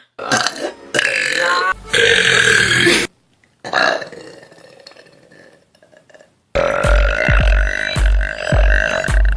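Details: Compilation of favorite YouTube burps: loud, long, croaking burps in a series with short breaks and background music; burping.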